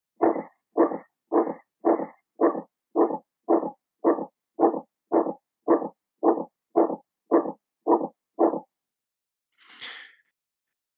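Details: Pulmonary stenosis murmur.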